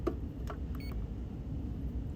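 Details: PCA (patient-controlled analgesia) pump being programmed for a new patient: a few short electronic keypad beeps over low room hum, normal programming feedback.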